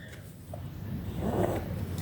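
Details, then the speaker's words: Soft, low rumbling snore from a comfortable resting pet in the background, building gently in the second half; snoring. "oh if you hear the little noise in the background that's nah snoring I noticed in the videos that you hear that noise that's nah snoring which means he's very comfortable"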